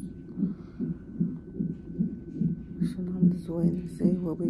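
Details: At 34 weeks' pregnancy, in labor and delivery triage after sharp pain and pressure, a fetal monitor gives regular whooshing thumps about 146 a minute, with faint voices near the end: fetal heartbeat.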